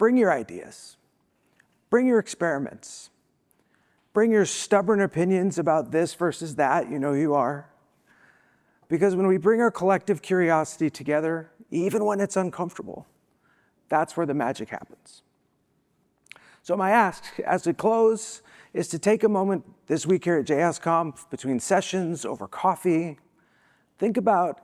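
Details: Adult woman who says she has a vocal disability, spasmodic dysphonia, and is not sick: spasmodic dysphonia.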